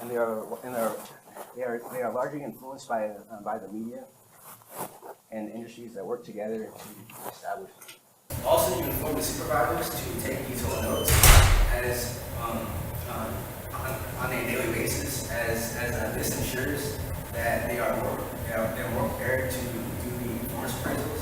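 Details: Adult man with lifelong stuttering, present as long as he can remember; real speech from his own 2013–2019 recordings. Finding: stuttering.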